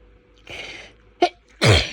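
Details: Intense, rapid, hitchy sneezing fit in the early hours after waking: a drawn-in breath, a short catch, then a loud explosive sneeze; afterwards nose hurts and breathing feels blocked.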